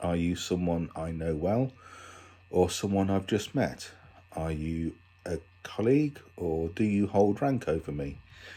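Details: Adult man with a stammer, recorded for International Stammering Awareness Day; stammering.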